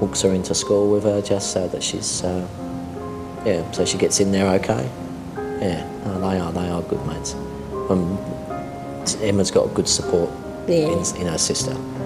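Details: Adult speaker; ordinary speech.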